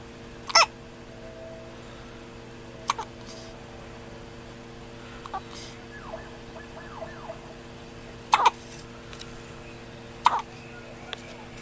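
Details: Newborn baby boy hiccuping: four or five brief, sharp hiccup clicks at irregular intervals in a quiet room with steady background hum; newborn hiccups.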